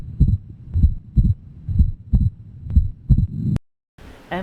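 Heartbeat at about 62 a minute with a second sound split into two close parts on every beat; fixed splitting of S2, typical of atrial septal defect.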